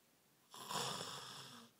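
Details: Snoring during sleep: a single harsh, rattling snore lasting about a second, drawn in through the nose and throat.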